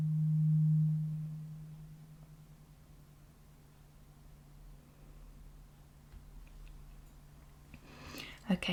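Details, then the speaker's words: Role-play hearing test on an adult with several weeks of hearing loss, right ear worse than left: a struck tuning fork rings as a pure, low, steady hum fading as it moves from close to far from the ear. "so i was holding it really close and then far away so it sounds like when it's really close to your ear you can hear it but when it's further away it's you can't hear it as much"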